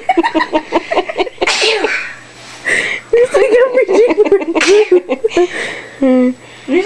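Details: Sneezing attack: several explosive sneezes with sharp intakes and loud hissy bursts, between laughter and talk in a small room.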